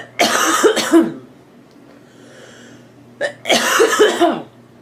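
Two bursts of loud coughing, several coughs each, with a quiet breath between; a plain cough.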